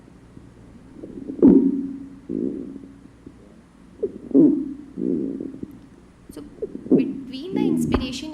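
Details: Squawk (short inspiratory squeak).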